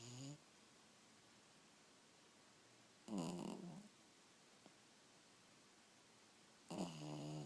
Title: 90 seconds of my dog snoring. Lame I know but oh so cute.